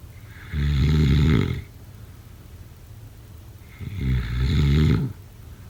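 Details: Snoring: two loud, deep, fluttering snores on the in-breath with quiet breathing between them.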